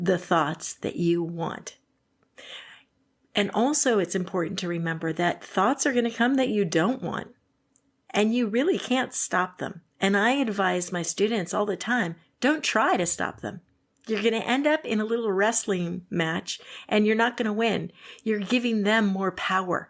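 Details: Adult woman speaking; typical speech.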